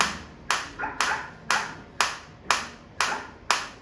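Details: Sharp, evenly spaced clicks about two per second, 120 frequency, from a focused shockwave therapy applicator on the operator's own hand or wrist in a demonstration, as intensity is stepped up through levels 6 to 11; shockwave applicator firing.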